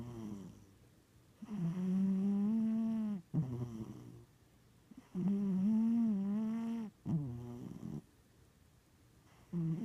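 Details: Loud, buzzy, tonal snores from a sleeping cat, each about two seconds long with quiet pauses between, roughly 16 breaths a minute: snoring.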